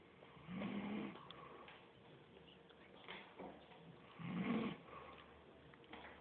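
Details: Uncle sleeping and snoring: two rough, fluttering snores about four seconds apart, around 15 breaths a minute, with a faint noisy background.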